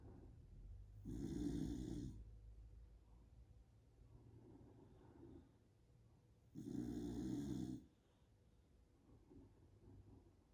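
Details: A dog snoring: two loud, low, rumbling snores on the in-breath, about five seconds apart, with quieter breathing between.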